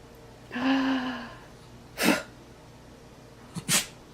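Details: A dog sneezing: a brief whine, then a sharp explosive sneeze, and a second quick double sneeze moments later.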